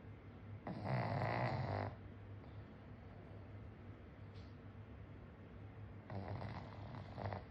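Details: Pug snoring loudly during a deep nap after a meal: loud, harsh, rattling snores on each in-breath, about two in seven seconds, with quieter breathing between.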